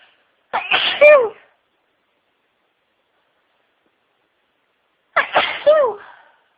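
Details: Adult in a huge sneezing fit of over 60 sneezes, with build-ups, stifles and a wet nose. Two forceful sneezes about five seconds apart, each with a sharp inward catch and a voiced release.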